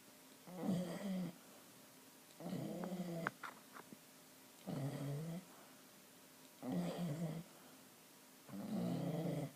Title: Dog snoring :)